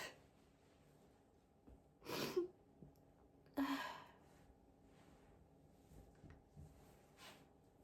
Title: loud high pitched apchhee sneezes